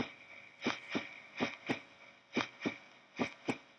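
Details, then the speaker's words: Dog, veterinary cardiac auscultation: four clear lub-dub beats at about 70 a minute, two sounds per cycle, steady normal rhythm, clear intensity, no added sounds; normal heart sounds. "número de eventos por ciclo a los ruidos dos sonidos primer riesgo dormido estoy escuchando si el ritmo me parece normal me pareció que tenía una cadencia lógica y que no hay sonidos adicionales"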